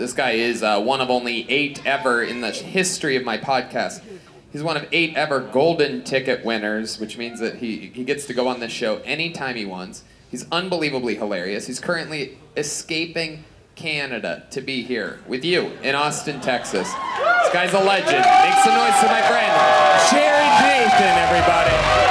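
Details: Adult male host; normal speech.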